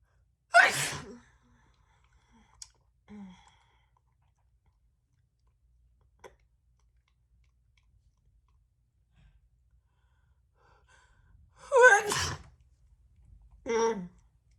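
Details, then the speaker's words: Adult woman feeling unwell, producing sneezes for her channel: three sharp, explosive sneezes with quiet gaps between them, two in quick succession near the end. "well that is it for today i hope you enjoyed those little fast and quick sneezes"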